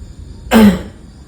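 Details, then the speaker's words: Small, repeated coughs from an adult with an itchy, uncomfortable throat during the coughing season; cough. "Akhir-akhir ini tenggerokan mulai enggak enak nih. M gatal kadang batuk kecil-kecil enggak nyaman nih terus-terusan kayak gini."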